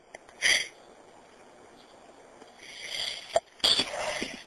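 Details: A few hissing, explosive bursts with sharp breath catches, recorded faintly on a phone; deliberately induced sneezes in a person who has been sneezy and may be getting a cold.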